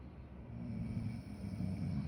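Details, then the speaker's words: A sleeping woman snores with a low, rough, rumbling sound that swells and eases over about two seconds; her partner records her to show she snores too. "oyeron mañana se lo voy a enseñar para que vea que también ella ronca y ya no me moleste que yo soy el que ronca todas las noches"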